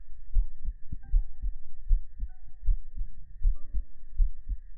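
Soft, regular low thumps in pairs at about 78 beats a minute, with a faint steady hum behind; a normal heartbeat.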